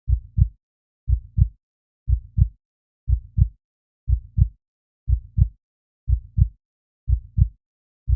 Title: 💚Heartbeat Sound - 30 Minutes of calm heartbeat sound